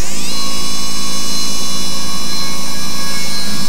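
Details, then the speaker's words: Drilling holes in the nasal spine during reduction rhinoplasty, with irrigation; steady high-pitched whine of a surgical micromotor drill spinning up then running at speed. "Okay. So I'm going to make a drill hole in the nasal spine."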